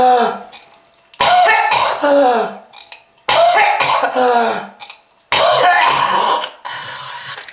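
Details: Acted smoker's cough in an anti-smoking clip warning of lung disease: three harsh, rough, strained coughing fits, each trailing into throat clearing.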